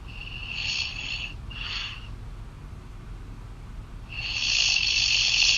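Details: Girlfriend snoring loudly during sleep, heard over a phone call: high, whistling, hissy breaths in bursts through a thin line, ending in a long loud breath.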